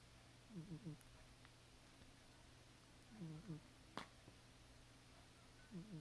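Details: Sleeping cat snoring super loudly, with background static; snoring.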